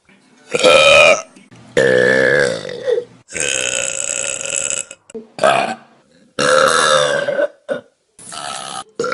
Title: Best Burps From Vine || #23 || June 2015